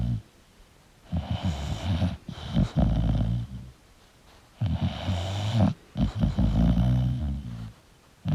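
Loud, rattling snores on each breath, about two breaths in eight seconds, with quiet pauses between them.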